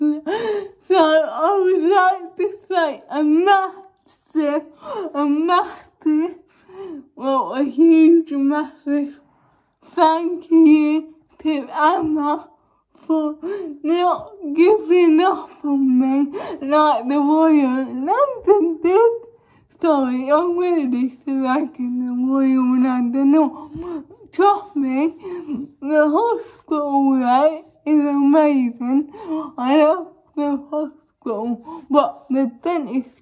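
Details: Adult woman with cerebral palsy causing a lot of involuntary movement, needing suctioning during dental treatment, and now wearing braces on her top and bottom teeth; dysarthric speech in cerebral palsy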